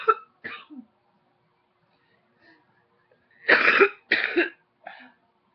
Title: Coughing # 9